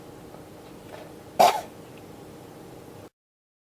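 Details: Cough from a recording of a cough that will not stop: a single short throat-clearing cough against steady room noise.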